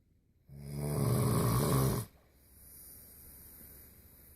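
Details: One long, loud, rattling inhaled snore lasting about a second and a half, then quiet room noise; very heavy snoring.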